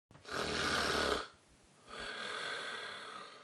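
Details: Snoring in a person with snoring and sleep apnea.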